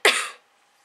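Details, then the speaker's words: Single sharp explosive burst, a cough and sneeze at the same time, from an adult woman with a cold (sore throat, stuffy nose, coughing). "I just coughed and sneezed at the same time yeah sneezing"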